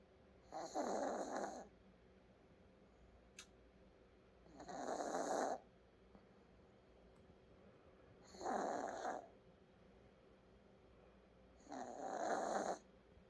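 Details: Soft, airy, rasping snores on each breath, with quiet pauses between, about 16 breaths a minute, in a quiet room; snoring.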